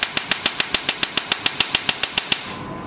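Sharp, evenly spaced snapping clicks, about 16 in just over two seconds, from a tattoo removal laser being test-fired.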